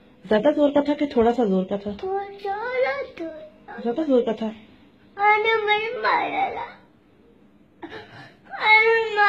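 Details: Angry infant crying in loud, high-pitched, strained bursts separated by brief pauses for breath.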